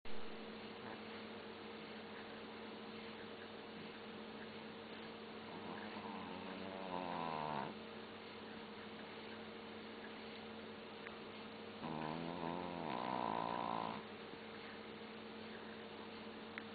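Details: Long-coat Chihuahua snoring while asleep: two drawn-out, rattling breaths over a steady television hum.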